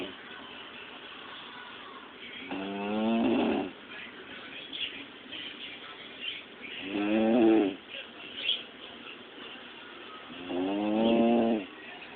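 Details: Three drawn-out, rumbling snores about four seconds apart, roughly 15 breaths a minute, over steady background noise: ordinary snoring.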